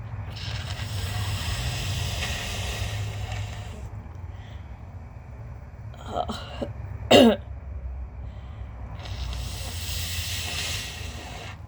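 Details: Noisy nasal breathing with a few short throat clears ending in one forceful clearing burst, during an allergy flare in a person diagnosed with mild lung damage as an infant, no asthma.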